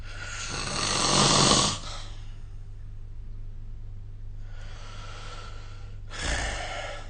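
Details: Loud rough snores on inspiration during sleep with quiet breathing between, recorded with the SnoreLab snoring app; snoring.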